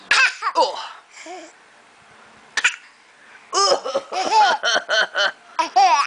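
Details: Young child laughing in high-pitched giggles mixed with a few short, sharp coughs while copying his aunt; playful imitated coughing, not illness.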